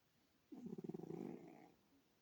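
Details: Cat (male) snoring while asleep: a single soft, fluttering snore lasting just over a second in a quiet room.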